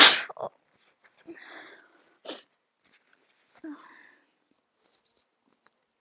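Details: Sneezing with a cold and an itchy nose: one loud, explosive sneeze, followed by softer breaths and faint vocal sounds.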